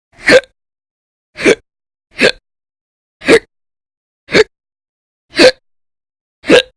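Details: Persistent hiccups: a rapid run of sharp, abrupt vocal jolts about once a second, from episodes of violent, very loud hiccups lasting 10–13 hours daily in December 2019.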